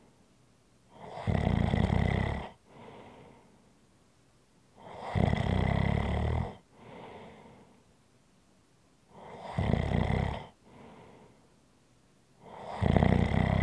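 Loud rattling snores on each in-breath, each followed by a soft out-breath, about 14 breaths a minute; regular snoring.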